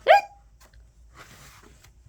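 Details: One sharp, voiced hiccup followed by quiet room noise, heard during a read-aloud children's story about hiccups; possibly the reader voicing the hiccup rather than a real one.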